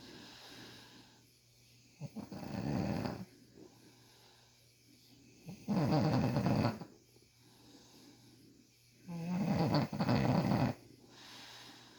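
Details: Man snoring loudly while having tough beard ingrown hairs removed: three loud rasping snores about every four seconds, quiet exhalations between, room hum.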